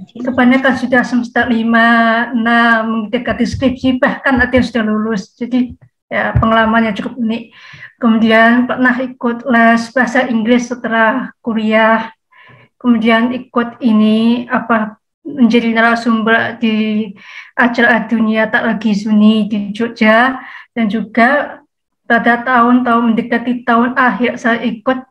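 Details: Woman, 27, with profound hearing loss (100 dB left, 110 dB right), cochlear implant user since age 3, trained through auditory-verbal therapy; speech of a cochlear implant user with profound hearing loss.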